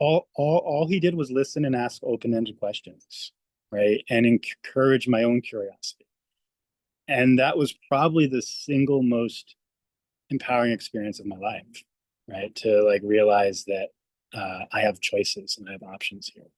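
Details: Adult male speech-language pathologist who stutters; stuttering with audible word repetitions.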